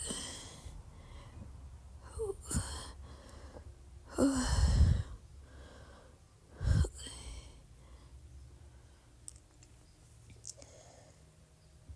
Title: Croack sounds R-CPD and some little burps (with some hiccups)